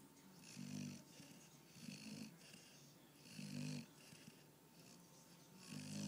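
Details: A pitbull, American bulldog and boxer mix dog asleep on the couch: soft, low rattling snores with each breath, about every 1.5 seconds, over quiet room noise; snoring.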